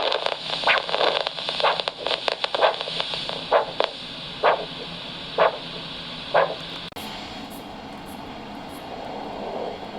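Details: Handheld ultrasound Doppler over the radial artery at the wrist near the thumb base during a Doppler blood pressure measurement: rhythmic whooshing pulses about 64 a minute over hiss and static, then fading.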